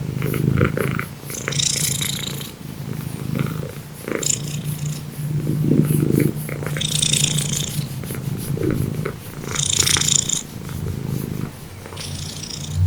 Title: Loud cat snoring makes the neighbors complain